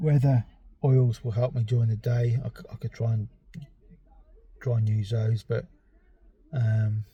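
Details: Adult male with ADHD and a self-reported stammer; stuttering.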